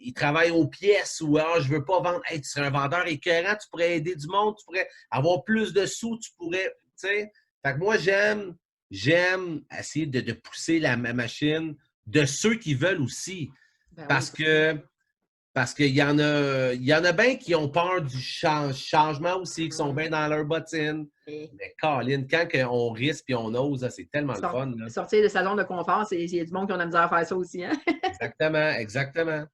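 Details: French-speaking male adult event host who says he now almost no longer stutters and that it worsens when tired; stuttering.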